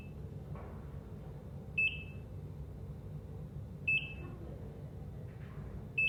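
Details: Short high beeps about every two seconds, near 30 per minute, over quiet room hum: steady ECG heart monitor beep sounds.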